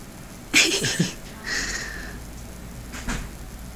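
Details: An infant's first hiccups: a few brief, abrupt catching sounds in a quiet room.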